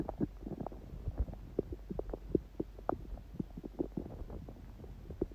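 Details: Own stomach after a smoothie breakfast and salad, on a day the stomach stayed mostly quiet: frequent soft gurgles, pops and bubbling rumbles, ordinary bowel sounds of digestion.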